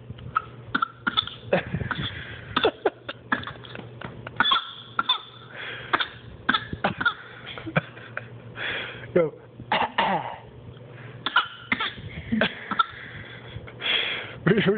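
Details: Child's deliberate fake cough: a run of short, forced cough sounds made on purpose.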